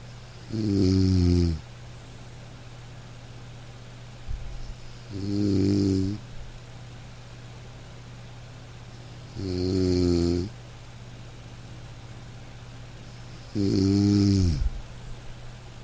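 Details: Sleeping dog: four slow, gentle snores over about 16 seconds, roughly 14 a minute, with soft rain behind; harmless sleep snoring.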